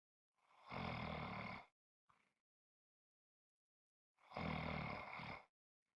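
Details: Snoring: two long, harsh, rumbling breaths about three and a half seconds apart, with a brief snort between them.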